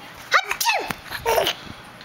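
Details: A child's fake, simulated sneeze: a breathy build-up followed by a burst, with laughter after it.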